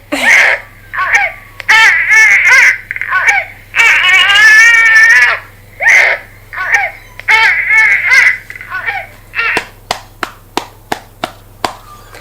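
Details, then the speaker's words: Simulated infant burp cry from a Realcare Gen 6 hybrid simulator doll: whiny start, similar to the fussy cry, followed by soft rhythmic gentle pats on the bottom. "now we're going to do the burp cry okay that whiny the start this sounds a little similar to the uh fussy cry"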